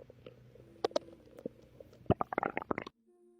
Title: I recorded my ￼pregnant girlfriend stomach growling & relaxing before she started havin contraction